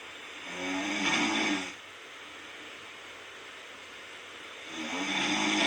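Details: Self-recorded snoring during sleep: two long, rough, buzzing breaths about four seconds apart over steady background hiss.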